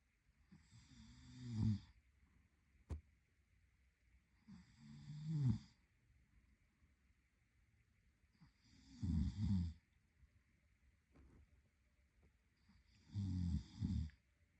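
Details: Adult male (boyfriend) sleeping, with four low, rattling snores about 16 a minute, each on a breath in, over a steady background hiss: snoring.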